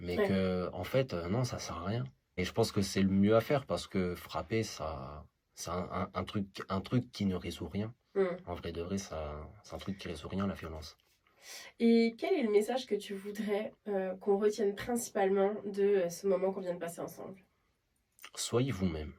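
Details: Man who stutters; stuttering.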